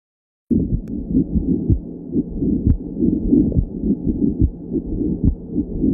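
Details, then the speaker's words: Pericardial friction rub teaching example: heart sounds at about 71 per minute with a continuous scratchy rubbing noise over each beat, likened to hair rubbed together next to the ear. "dan ada rap-rap seperti gosok gesekan Jadi kalau misalnya mau dengerin contoh RAB itu kayak rambut digesekkan plus didengerin dikuping itu ora Arabnya"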